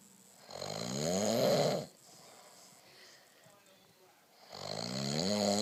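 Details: Adult man snoring after too much wine: loud, buzzing, rattling snores on two breaths in, separated by a quiet breath out.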